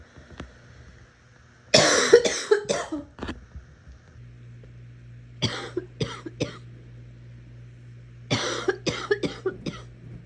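Three bouts of harsh coughing, each a run of four to five quick coughs close together, over a low room hum.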